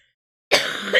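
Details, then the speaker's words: An adult who has been very ill for days with a circulating bug and reports constant coughing gives a single abrupt, harsh cough burst after silence: cough. "And then you can hear it in my coughing. That is constant. That is constant."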